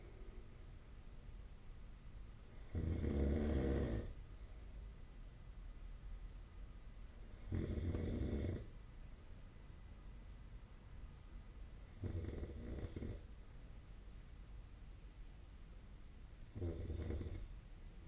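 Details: Sleep snoring recorded with the SnoreLab snore-tracking app: four rough, rattling snores about every 4.7 seconds, roughly 13 breaths a minute, over steady room hiss.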